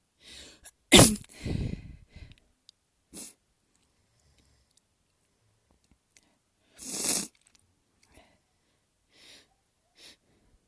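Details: Two forceful, wet, snotty explosive sneezes, possibly induced, with sniffs and breaths around them.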